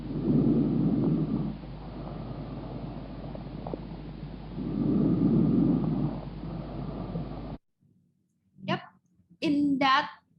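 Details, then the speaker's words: Normal vesicular breath sounds: a soft, low-pitched sound in which inspiration is longer than expiration. "we noticed that the inspiratory sound is longer than the expiratory sound and there is um and it's a soft soft low pitch sound"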